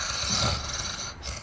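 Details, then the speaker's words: Snoring respirations played as an emergency airway-assessment teaching example: a single coarse, rattling, snore-like breath sound from partial upper airway blockage by the fallen-back tongue; audible with or without a stethoscope. "그래서 스노링은 혀가 처진 거,"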